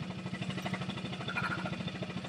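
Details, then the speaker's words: Adult with cystic fibrosis, very severely decreased lung function and just home from hospital: a steady, low, rapid pulsing hum of a high-frequency chest wall oscillation vest, tubed to a machine, with varied pressure and vibration settings, used at least an hour a day. "So the vest has different pressure frequencies that you do in one sitting. You vary your settings. And then there's different frequencies in which it vibrates."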